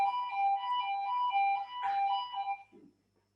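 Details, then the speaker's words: Failure alarm on a low-cost artificial ventilator prototype that uses unsupervised learning for hardware failure detection, triggered after five successive anomalies in a live demo with a team member as patient. High-pitched two-tone alarm pulses rapidly for about 2.5 seconds. "now at the moment we have three successive anomalies when we reach five an alarm with which generated we can listen and the background is red now"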